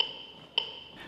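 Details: AED metronome pacing chest compressions during CPR after a delivered shock: two sharp electronic clicks about 0.6 seconds apart; compressions at least 5 cm deep, continued for 2 minutes per the defibrillator's prompts.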